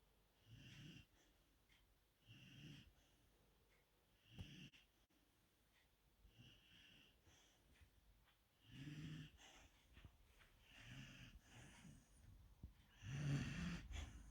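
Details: Golden Retriever puppy lying on a couch, tired after a morning walk, play and exercise: soft, rhythmic, snuffly snores with faint whistling, about one breath every two seconds; snoring.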